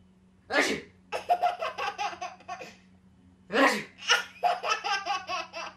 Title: Baby Laughs After Sneezing Funny Compilation